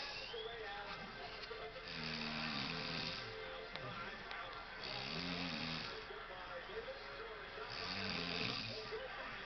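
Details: Snoring from a sleeping pregnant woman whose partner says she snores loudly.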